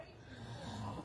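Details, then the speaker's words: Person snoring during sleep. "يشخر افضحنا حق الله غير يشخر اسمعوا"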